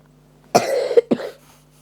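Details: Two short, harsh coughs in a quiet room, the first longer and the second a brief follow-up burst, from a person who reports having a bad cough; cough.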